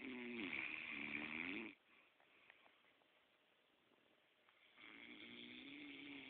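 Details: Adult man asleep, two loud, buzzing, slightly tonal snores separated by a quiet pause; snoring.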